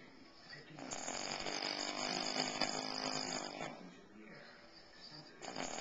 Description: My dad snoring like a fucking animal